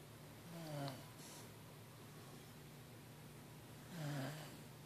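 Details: Two short snorting snores about three seconds apart over steady room hiss from a sleeping pet; snoring.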